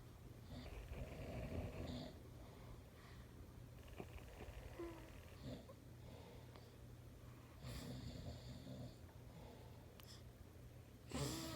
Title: When you try to sleep like a baby, but your daddy snores like a bear.